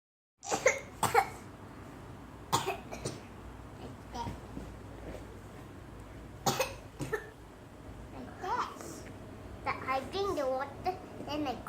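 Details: Girl aged 3 years 2 months pretending to cough: several short, deliberate voluntary coughs, with some babbling and voice sounds in between.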